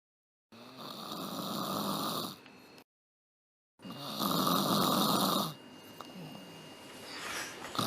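Two loud, harsh, rattling snores separated by a pause, performed by an actor; acted snoring rather than real sleep.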